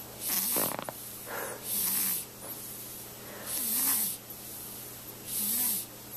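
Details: Sleeping newborn baby girl, snoring softly: four hissing, snorting sleep breaths in about six seconds, with a small squeak as each breath shifts.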